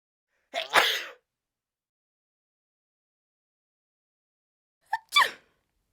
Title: Sneeze - sfx | DEEPER THAN SOUND EFFECTS